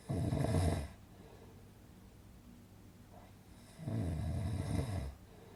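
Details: Relaxing snoring sound effect for sleeping: two loud, rumbling snores about three seconds apart with quiet pauses between; steady, rhythmic snoring.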